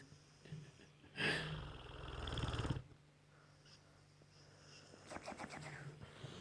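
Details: A sleeping bullmastiff dog gives a long, low, rattling snore on the in-breath, then quiet breathing; snoring in a large short-nosed dog.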